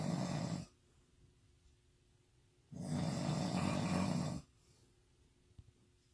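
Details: Drunk person snoring intensely in sleep: loud, low, rattling snores on the in-breath, roughly one every four seconds with quiet pauses between.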